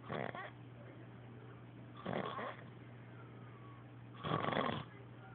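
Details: Adult man snoring, with three loud, rough snores at short regular intervals over a low hum; he is said to snore a lot and to stop breathing at times.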